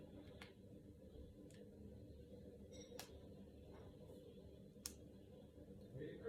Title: Cracking my knuckles and fingers.